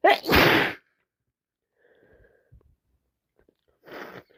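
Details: Two people, both with flu, sneezing: a loud, explosive sneeze, a pause, then a softer second sneeze.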